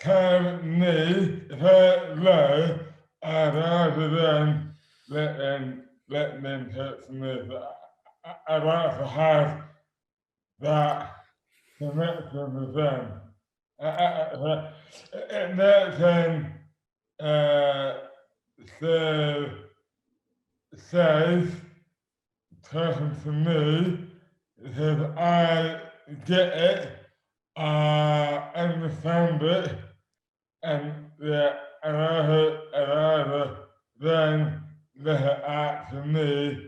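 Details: Man with dystonia, a rare neurological disorder; severely slurred speech began overnight after a night out in May 2008, aged 24; speech never recovered and has worsened; hands also impaired; treated with botox injections; dysarthria due to dystonia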